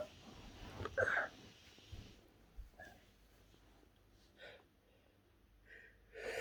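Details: Adult doing a sneeze challenge, with tags mentioning mint and garlic in the nose: one strong sneeze followed by several softer ones in a quiet room.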